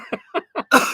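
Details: Coughing from a man after eating a very spicy chip (One Chip Challenge, done twice).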